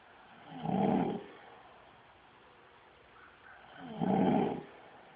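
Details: Adult man asleep, snoring heavily with two loud rattling in-breath snores about 3.5 seconds apart, unflinching at flash, birds, sirens and dogs barking; snoring.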